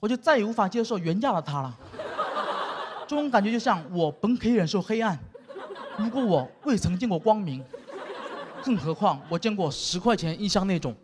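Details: Adult speaker performing to an audience; normal speech.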